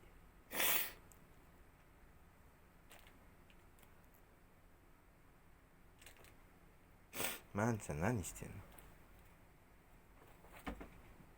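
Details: Pet mini rabbit (mixed breed) sneezing: a few brief, sharp sneezes while a person talks quietly. Owner mentions allergies.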